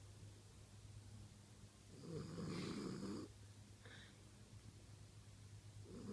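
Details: Female French Bulldog snoring while asleep: a single loud, rough snoring breath over a steady low room hum, then quieter breathing; snoring.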